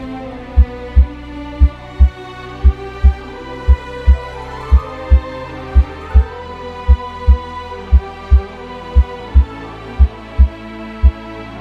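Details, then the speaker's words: Heart auscultation across the valve areas with the bell of the stethoscope: steady lub-dub at about 58 per minute over soft music, normal first and second heart sounds from valve closure. "The Familiar ldub sound of the heartbeat is caused by the rhythmic closing of the hard valves as blood is pump in and out of the"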